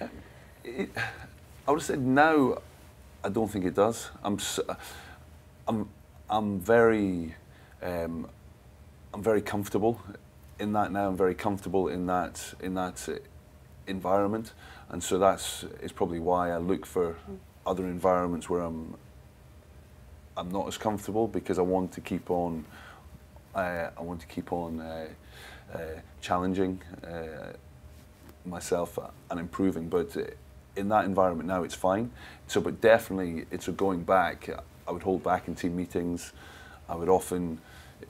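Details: Adult sports agent who has stammered since childhood, reports being largely unable to talk for his first 15 years, still masks it and uses pauses to regroup; stuttering (stammering).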